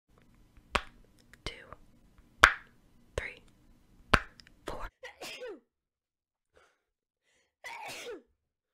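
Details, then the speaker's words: Quiet room with soft tapping and clicks, then short breathy bursts and a final falling-pitched vocal burst: a female sneeze, ASMR recording. "amethyst sneeze [Music] I thought I'd sneeze again but I didn't so yeah it has a purple tube"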